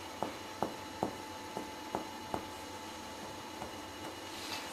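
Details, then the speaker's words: Finger-on-finger comparative percussion over a patient's chest, back and sides in a lung examination teaching demonstration: series of soft taps giving a resonant, clear pulmonary percussion note over the lungs. "легенями ясний легеневий звук"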